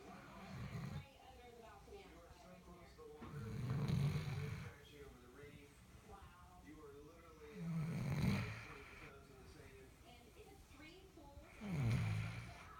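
Low rumbling snores with each breath, about 15 a minute, with soft squeaky whistles between them: a sleeping puppy snoring.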